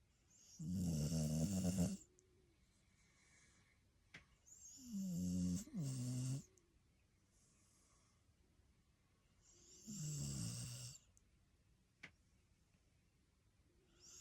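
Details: Sleeping Australian Shepherd dog while camping: three loud, low, fluttering snores, about 13 a minute, with soft sounds between; snoring.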